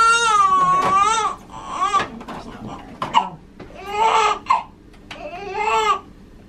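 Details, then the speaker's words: Loud, high-pitched crying in repeated bursts with brief gasps, from a newborn girl just after birth following a scheduled induction, about 21¼ inches long and reportedly 7 lb 12; vigorous normal newborn cry. "her voice sounds different yeah can you leave the i think it's been a long time since we've heard a newborn"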